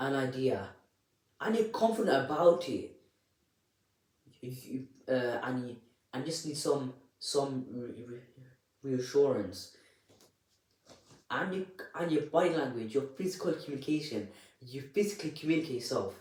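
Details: Adult presenter who stammers, speaking unedited; repetitions of words and syllables are audible; stuttering.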